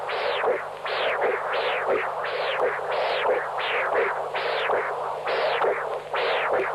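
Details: Severe tricuspid regurgitation on pulsed wave Doppler in a patient with congenital severe tricuspid stenosis (valve area 0.9 cm², thickened immobile leaflets, markedly enlarged right atrium).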